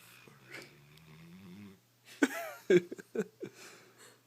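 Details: Female Swissy (Greater Swiss Mountain Dog) snoring while asleep: soft nasal snuffling breaths, then short irregular snorting and fluttering bursts.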